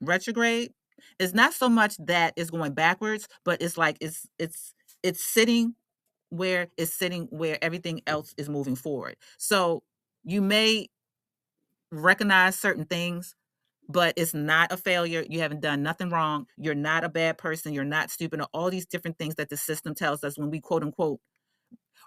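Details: Adult woman who identifies as a stutterer and works on her speech confidence, with repeated words and phrases; stuttering.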